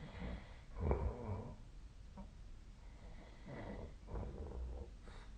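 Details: Snoring during sleep: low, rough snorting breaths recurring about every three seconds.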